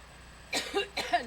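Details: Adult woman's coughing attack during a public speech in Harlem: two short, harsh, partly voiced coughs in quick succession after a quiet moment.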